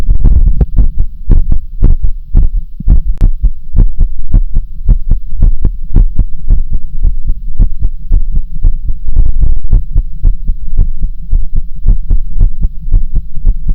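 Loud, steady, deep thumping heartbeat at about 110 to 115 beats a minute over a low hum.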